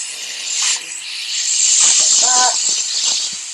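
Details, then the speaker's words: High-speed dental handpiece with water spray opening lingual access into an isolated mannequin tooth for a root canal demo, loud steady high-pitched whine and hiss. "so we're going to start off with our high speed to gain our access into the tooth so I'll need my hpe okay"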